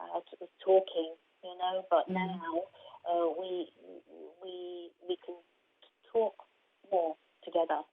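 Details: Aphasia in an adult woman after a stroke in 2019; her main difficulty is processing what she hears rather than producing words, and she could not speak at all at first.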